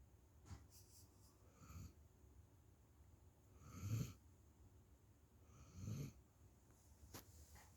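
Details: Sleeping puppy snoring: soft, low snorting snores about every two seconds over a quiet hiss.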